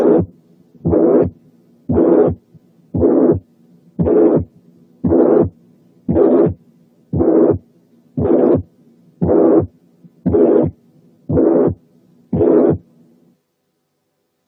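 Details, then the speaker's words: Mitral regurgitation (incompetence): regular pansystolic murmur at about 58 beats a minute, filling each systole, with a relatively high-pitched, blowing, non-harsh character. "الميرمر بتاعة الماترال انكومبتنس بيقال لها بلوينج، وده لأنها نسبيا هاي بيتشد وما فيهاش خروشة. نسمعها تاني ونركز الدور ده على البلوينج كاركتر."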